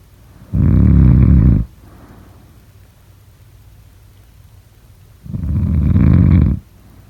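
Two loud, low, rattling snores on breathing in, separated by a quiet pause of several seconds.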